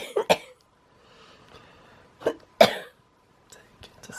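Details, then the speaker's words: Adult with cystic fibrosis coughing: several harsh coughs in short clusters with quiet gaps and faint breathing between, a repeated cough in cystic fibrosis. "sometimes I just do not want to cough yeah, I can't imagine"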